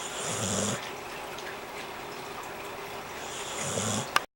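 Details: Sleeping subject: low, rough, fluttering breath sounds about three seconds apart over steady room noise; snoring.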